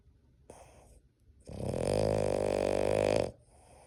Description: Boston Terrier snores with his eyes open and his tongue out!